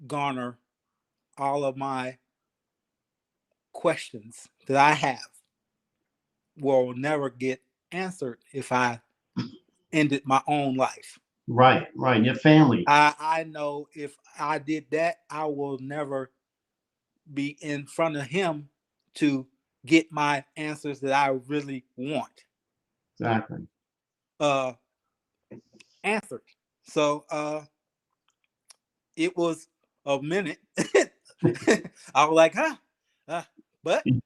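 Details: 52-year-old man, 3 years after an ischemic stroke, still working on his speech and thinking about every word, syllable and cadence; aphasia.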